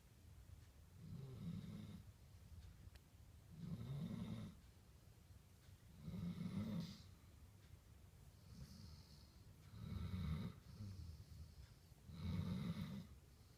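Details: German shepherd snoring during a nap: soft, low, rumbling snores about every two seconds, six in all, in a quiet room.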